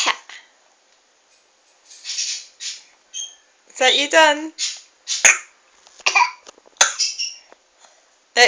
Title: Apparently mummy coughing is very funny...